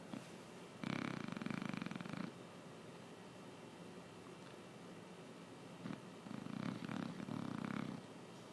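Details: Chow Chow dog sleeping, sounding like a snoring old man: two rattling, fluttery inhaled snores about five seconds apart with quiet breathing between; dog snoring.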